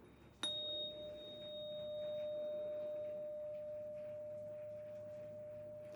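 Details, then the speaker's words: A struck 512 Hz tuning fork gives a steady, pure ringing tone that lasts several seconds before fading, during a simulated cranial nerve 8 hearing test in an ASMR medical roleplay. "Now, this one tends to be clear as a bell. This is 512 hertz. Let me know if you can hear it."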